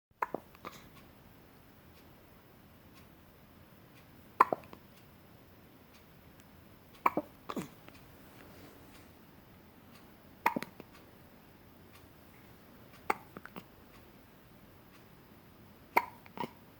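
Brief sharp hiccup sounds recur at irregular intervals of roughly three seconds in a quiet room, fitting a bout of hiccups.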